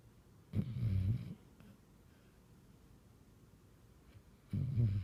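Low rumbling snores on inhalation, two snores about four seconds apart with quiet breathing between; ordinary snoring in a sleeping dog.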